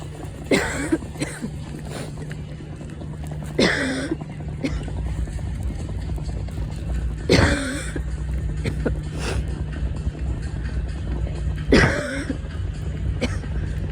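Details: An adult with asthma coughs in four short, separate bursts over steady vehicle rumble while riding home; asthmatic cough.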